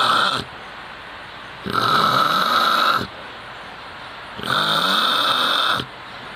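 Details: Snoring: two long, loud, harsh snoring breaths about three seconds apart, with a hissing, nasal edge and quieter gaps between them.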